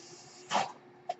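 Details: Speaker's own real mechanical ventilator during podcast recording: a brief whoosh of delivered air over steady hiss, then a short mechanical click; mechanical ventilator breath cycle.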